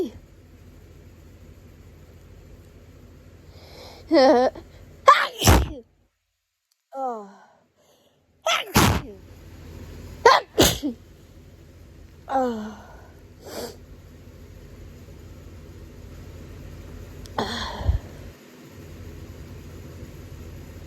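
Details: Person resting in bed with hay fever: run of forceful sneezes, several in quick pairs, with gasping in-breaths and low background hum; repeated allergic sneezing.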